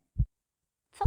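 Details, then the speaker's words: Normal heartbeat: two low, dull thumps about a second apart, heard through a stethoscope placed on the left side of the chest in a children's demonstration. "to serduszko czyli nie tylko wsłuchamy jak oddychacie ale też jak widzicie wasze serduszko"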